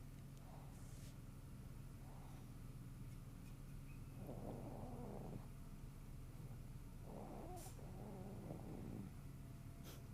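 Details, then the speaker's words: Snoring baby: soft, rough breathing noises from a sleeping infant, heard as light snoring over a steady room hum during a painting tutorial. "you hear him snoring yeah tell me if it's too distracting this is what the people pay for snoring babies"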